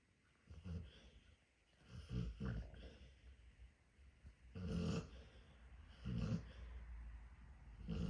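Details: Sleeping dog snoring loudly: low, rough snores repeating irregularly with quiet gaps, until he hears a whisper.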